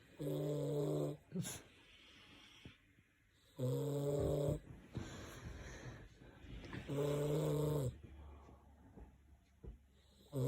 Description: deep in sleep loud in snoring 😴